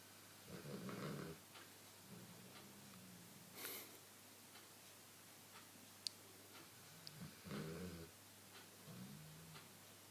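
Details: Dog in deep sleep: soft, rough snorting breaths with faint whistling tones against quiet room noise; light snoring.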